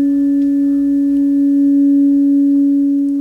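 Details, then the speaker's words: Steady, pure hum of a struck 128 Hz tuning fork placed on the distal tip of the lateral malleolus, conducted through the fibula to a stethoscope on the fibular head; fracture screening demonstration; tuning fork tone conducted through bone. "listen for six to eight seconds whether you hear the sound conducted through the bone and compare it with the unaffected limb"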